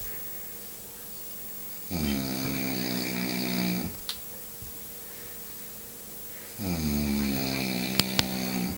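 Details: Man snoring: two long, rumbling snores on breathing in, a few seconds apart, against a quiet room hum.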